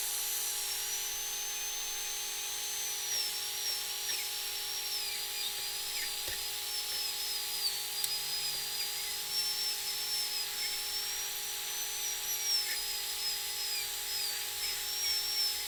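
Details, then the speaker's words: Steady high-pitched whine of a dental surgical drill sectioning a three-rooted tooth into three single-root fragments on a surgical extraction training simulator, before each root is elevated out individually. "And moments what we're going to do is section this three-rooted tooth into three single root fragments and then take each one of those out individually."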